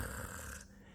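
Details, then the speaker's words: A house chicken (Brahma) with suspected mycoplasma respiratory infection, being held and petted: a brief wet, raspy, snore-like rattle in her breathing, sounding phlegmy, typical of mucus in the airway. "So for the last 2 nights, I've heard her at night. She sounds very phlegmy. She sounds very raspy."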